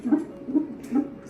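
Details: Fetal heartbeat heard on a Doppler monitor in a pregnant woman soon to have a caesarean section: fast, regular whooshing pulses, around 140 beats a minute.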